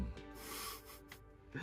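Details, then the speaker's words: A single low, raspy snoring breath from a dog sleeping after a shower, with faint music and room noise behind it. "ce que vous entendez c'est le chien qui ronfle après la bonne douche qu'il a pris là il donne son opinion il dort bien"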